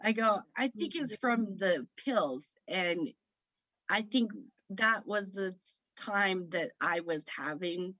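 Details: Woman with aphasia after a stroke at age 38 in September 2018 that affected her right side, speaking about 3 years after onset; aphasia.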